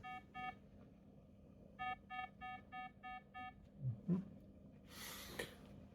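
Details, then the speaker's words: Home bedside monitor alarm beeping for low heart rate around 45–47/min in a woman with 22q11.2 deletion syndrome during a migraine, while sitting; heart rate repeatedly dropping; bradycardia alarm with brief room noise after. "So yeah, he's just just seen the heart rate dropping down again whilst you're sitting"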